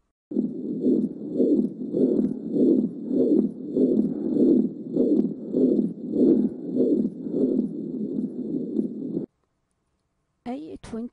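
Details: Quiz case: patient with new atrial fibrillation; fast heartbeat about 100 a minute with a rushing murmur filling each beat, atrial septal defect murmur.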